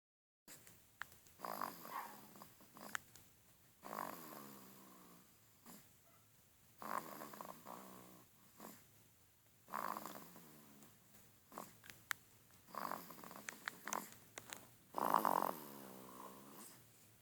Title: Snoring Baby